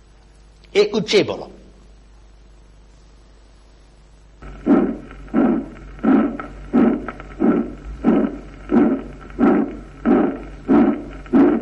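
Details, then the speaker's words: After a brief initial sound, regular harsh rasping heartbeats at about 88 a minute with a crescendo-decrescendo systolic ejection murmur, loudest mid-precordium left of the sternum, sometimes at the apex, not radiating to the axilla; aortic stenosis. "del volumen de inyección en oportunidades en máximo en mesocardio a la izquierda del esternón y a veces en la punta pero no se irradia axila como el mitral"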